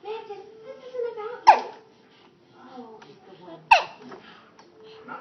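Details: Young child with hiccups: two sharp, abrupt hiccups about two seconds apart, with soft child vocalizing between them.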